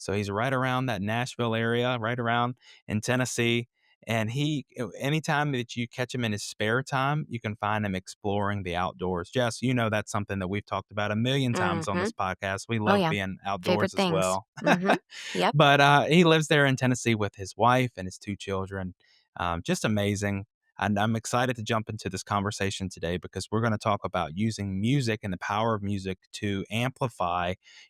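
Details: Adult male podcast host; normal speech.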